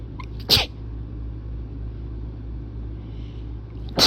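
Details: Person with sinus trouble, feeling ill: two sharp explosive rapid sneezes a few seconds apart over steady low engine-like rumble; repeated sneezing.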